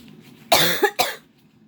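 Two sharp, harsh coughs close together from an adult, acted for the recording.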